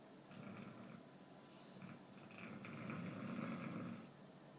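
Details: American Staffordshire Terrier sound asleep in a suitcase of spare coats, with soft rattling, purring snores in rising and falling phases, like an old man: dog snoring.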